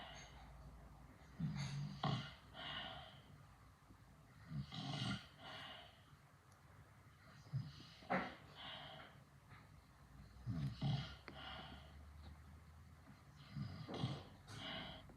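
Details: Irregular snorting snores every few seconds, low rattly inhalations with some higher hissy noise, about 19 per minute: snoring.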